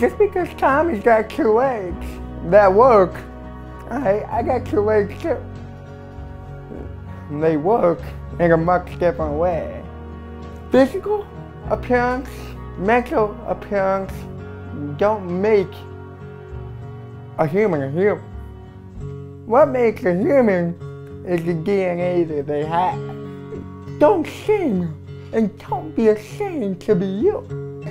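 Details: Dysarthria with hearing-impaired speech in a male university freshman with cerebral palsy, who is hearing impaired, has worn hearing aids since a young age and lip-reads.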